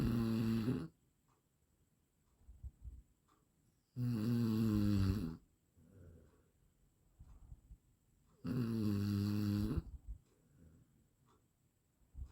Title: 8 minutes snoring sound| best audio quality